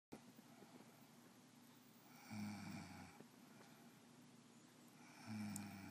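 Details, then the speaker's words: Sleeping female snoring, with snores much louder in real life, possibly lasting minutes to hours: two buzzing, rattling snores about three seconds apart, softer and breathier than the first, over faint room noise; snoring. "your hearing or the loud snores of the Bobby Ray cougar her snores are much much louder in real life"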